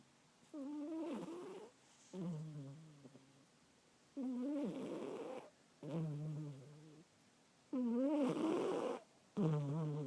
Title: snoring